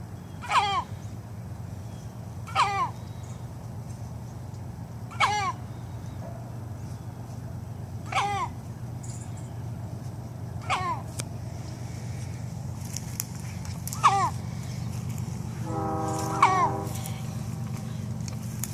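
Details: A chicken having a sneezing fit: seven short, squeaky sneezes at regular intervals over a steady low background hum.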